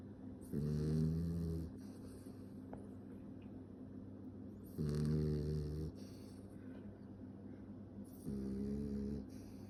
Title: Tiny snoring